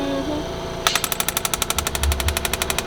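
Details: Radial shockwave device firing rapid sharp tapping pulses at about eight per second after a brief hum, treating the top of a patient's shoulder bilaterally (second side).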